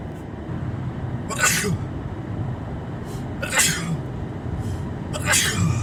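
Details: Simulated roleplay: congested adult male with a suspected cold in a car passenger seat, sniffling and blowing his nose; three sharp explosive sneezes about two seconds apart over low road noise; repeated sneezing.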